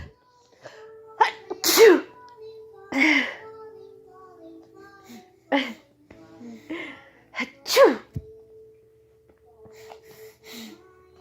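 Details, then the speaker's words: Two loud sneezes with sharp bursts of air, separated by quieter vocal sounds over a faint steady background tone. "Pet. I need to sneeze. Achoo!"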